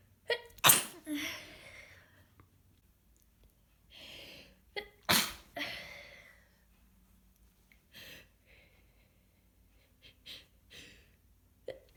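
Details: Congested, snotty head cold of a few days: several forceful sneezes, some stifled, with sniffles and wet nasal sounds between them; sneezing with sniffling from a common cold.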